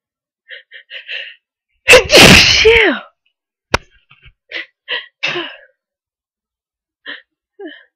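A loud, breathy, forceful sneeze bursts out after short lead-in sounds, followed by quieter noises; ordinary sneezing.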